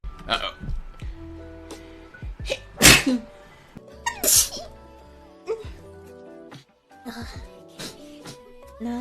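Sharp explosive sneeze bursts with brief vocal sounds between them over background music; ordinary sneezing.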